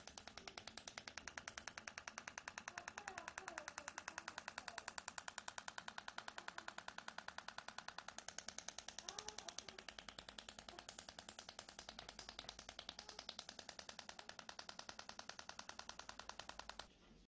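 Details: Shockwave therapy device firing rapid, very regular sharp clicks at about 200 a minute, stopping near the end, during extracorporeal shockwave treatment of a patient with biceps femoris (hamstring) muscle-chain problems, with pain in the buttock and back of the knee.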